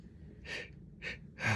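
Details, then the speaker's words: Person with allergy flare and itchy nose, sneezing repeatedly: three quick, sharp, breathy bursts in close succession, the last loudest, followed by "excuse me"; a run of sneezes. "oh my goodness excuse me just oh my goodness oh my god my allergies are crazy today oh my goodness excuse me"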